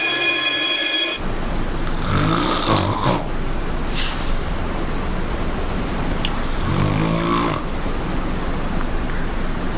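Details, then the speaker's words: Loud rough rattling snoring, two snores about four seconds apart, from an adult woman asleep in the Big Brother house. "That's pretty rowdy snoring, isn't it? That is quite loud, yes."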